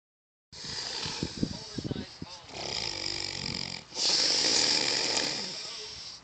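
Loud, harsh, rattling snorts with breathy noise during sleep; snoring.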